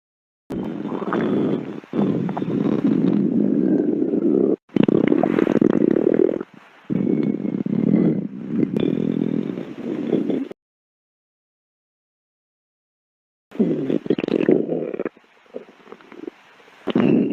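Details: Long, low rumbling and gurgling stretches with pauses between them: stomach growling (borborygmi), ordinary bowel gas and fluid movement.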